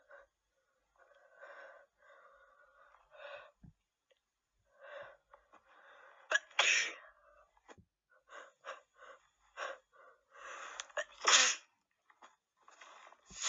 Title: Messy cold sneezes (F)